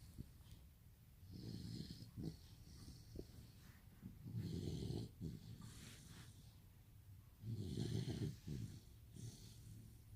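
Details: Rottweiler puppy sleeping: three deep, rumbling, human-like snores in ten seconds, about 18 breaths a minute, with quiet breathing between; snoring.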